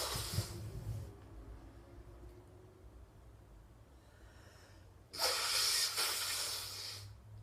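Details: Person sitting, sneezing: two sharp, hissing nasal bursts separated by quiet breathing; sneezes.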